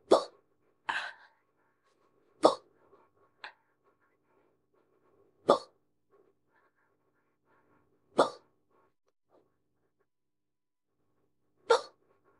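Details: AI-voiced simulated scenario: woman drinks a can of beer and gets hiccups; six sharp, abrupt hiccups spaced irregularly over about twelve seconds in a quiet room.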